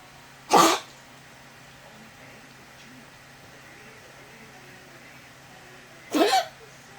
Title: Dog cough